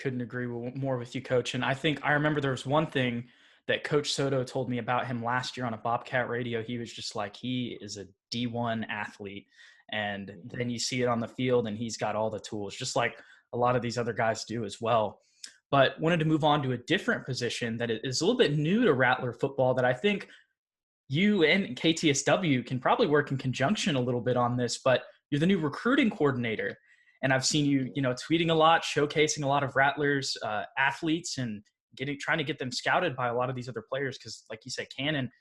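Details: Adult male speaker; normal speech.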